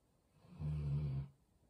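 A single low, rumbling snore from a sleeping dog, lasting under a second in a quiet room.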